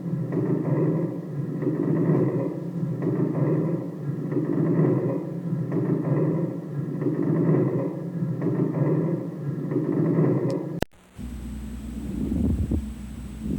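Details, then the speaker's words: Pleural friction rub on a simulator through a stethoscope: coarse, grating creaks repeating with each breath phase, in an adult chest auscultation lesson on abnormal breath sounds. "los ruidos se presentarán en el siguiente orden roncus sibilancias estridor crepitantes edema pulmonar y frote pleural"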